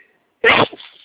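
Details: Single loud, explosive sneeze after a short pause from a person with hay fever (pollen allergy), sneezing repeatedly in the morning before taking their antihistamine.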